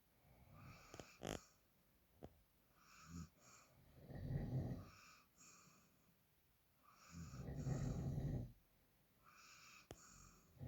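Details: Snoring in sleep: slow, rough, fluttering breaths in and out, about 18 a minute, with a few soft snorts.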